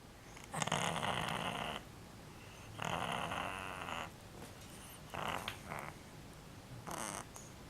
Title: Lizzie Cat Snoring